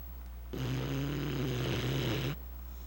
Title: snoring.mpg